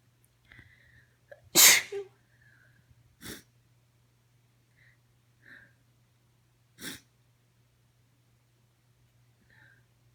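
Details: Adult female recorded right after waking. Three sharp explosive allergic morning sneezes in a quiet room, the first loudest, with soft breaths between. She first tried to stifle them, then moved to the couch midway.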